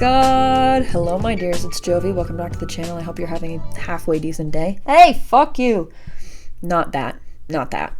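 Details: Adult woman who says she has severe Tourette syndrome; vocal tic during a greeting, which she then corrects.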